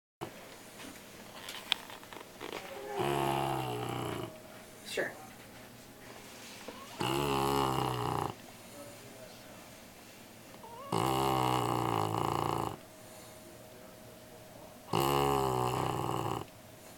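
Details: Black Labrador puppy asleep at an office; four long rattling snores, each one to two seconds, about one every four seconds: puppy snoring.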